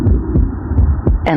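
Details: Heart sounds amplified through an Eko digital stethoscope with active noise cancellation and up to 40× amplification: paired low thumps at about 80 beats a minute.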